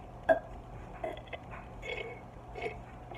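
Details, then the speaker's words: Voluntary burp challenge after drinking a fizzy Crush soda: a short belch followed by softer throaty burp-like sounds over room noise; burping. "So I'm gonna drink it, and then I'm going to see if I can burp."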